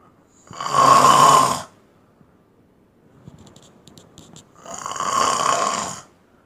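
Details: Man sleeping and snoring: two loud, harsh, buzzing snores on the in-breath with a quiet pause between them; faint chirping beeps in the background.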